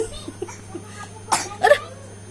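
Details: Young child gives two short, sharp coughs against faint room noise and a steady hum; the child reportedly often coughs on waking, and the mother is told not to let the child keep drinking iced drinks.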